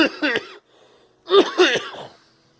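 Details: Two short bursts of voiced coughing from a girl, separated by a brief pause; a plain cough.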